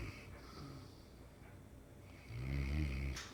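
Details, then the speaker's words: Low, rumbling snore from a Mastiff dog napping, with a louder rattling breath near the end; snoring. "Hankers? Are you snoring?"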